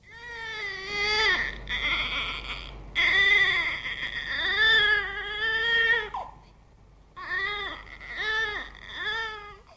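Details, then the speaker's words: Drawn-out, whiny infant wails that rise and fall with brief pauses between: a baby's tired cry, presented as an example of tiredness, noting each baby's cries differ. "last one is tiredness"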